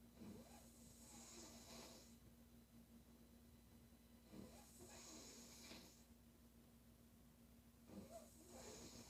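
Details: Female sleeper snoring: slow, hissing, rattling snores with each breath in, about 17 breaths a minute, over steady room hum.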